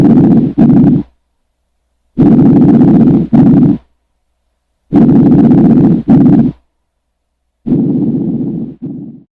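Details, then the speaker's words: Normal vesicular breath sounds over the chest wall: soft, low rustling, faint, heard throughout inspiration and at the start of expiration. "los ruidos respiratorios normales que se escuchan sobre otras áreas de la pared torácica son débiles se escuchan durante toda la inspiración y al inicio de la espiración"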